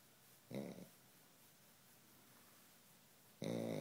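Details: Two loud, rough, buzzy snores separated by a quiet pause from a sleeping Pekingese dog, described as extremely loud; snoring.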